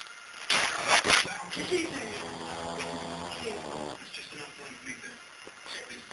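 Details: A sleeping Bull Terrier makes a rough, noisy breath, then a long, drawn-out tonal snore over faint room noise; loud snoring.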